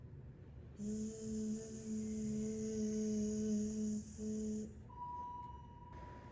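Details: Child, voice assessment; sustained /z/ prolongation (s/z ratio task).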